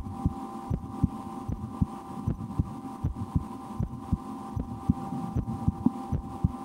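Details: Own heartbeat heard through a stethoscope in an ASMR recording, with breath-holding and efforts to speed the heart, after a lunch with loud digestion: soft regular lub-dub about 75 a minute over steady hum; normal heart sounds.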